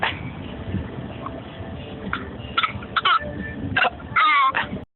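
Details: Cartoon child character Roo, saying he has a mighty little cough, makes a few short, deliberate cough bursts; a put-on, voluntary fake cough.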